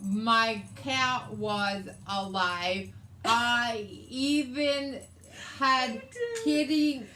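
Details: Adult woman with aphasia after a hemorrhagic stroke on May 19th 2020, with right-sided hemiparesis, brain surgery and an ICU stay; her aphasia also affects reading and writing.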